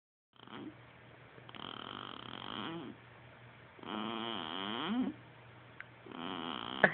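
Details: Strange new noise from a girl sleeping in her swing: repeated rattling, buzzing breath noises in slow cycles; "snoring".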